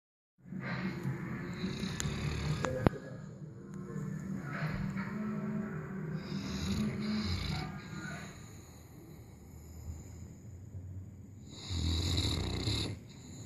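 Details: Dog snoring during a nap: long, low rumbling snores with a whistling edge, several breaths in a row.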